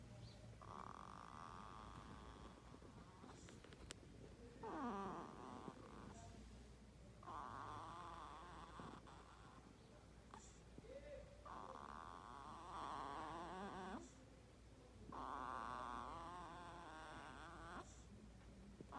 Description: 5 Day Old Snoring baby 7-12-2019